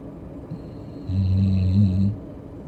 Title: Snoring fur baby